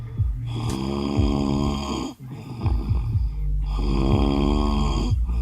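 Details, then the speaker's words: Adult man asleep in a car after an outing, snoring loudly with deep, rattling, buzzing snores over a steady background hum. "Look at him, just snoring his ass off."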